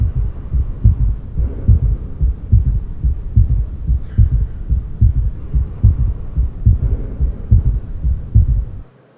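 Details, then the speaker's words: Heart auscultation in a diabetic man with sudden shortness of breath, orthopnea, raised JVP and acute pulmonary edema: regular low-pitched heartbeat near 71 a minute with a soft extra third sound, an S3 gallop. "It is S3 Gallup. Third heart sound. Now patient has acute pulmonary edema."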